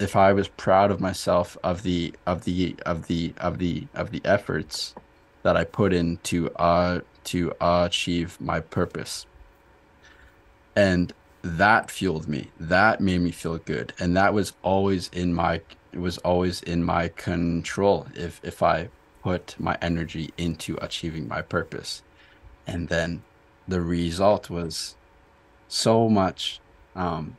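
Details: Stuttering in an adult man who stutters, in a podcast conversation.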